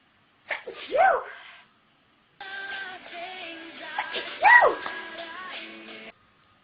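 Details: Two sharp sneezes from a young woman who announces she is about to sneeze, the second heard over background music.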